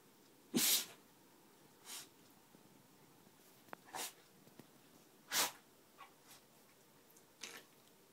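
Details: Several sharp, hissing sneezes from a beagle, three strong and the rest softer, in a quiet room; the owner says the dog sneezes a lot.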